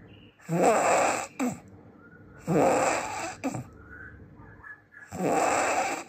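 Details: Very loud, harsh snores, each ending in a short snorting catch; heavy snoring described as the loudest snoring in the world.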